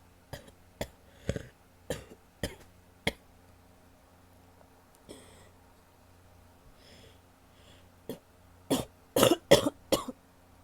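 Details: Female, about eleven short coughs in two runs with a loose, wet quality suggesting mucus in the airways; wet cough.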